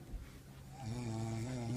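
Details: Sleeping person whose snoring kept others awake all weekend: one drawn-out, buzzing snore that swells in loudness over about two seconds.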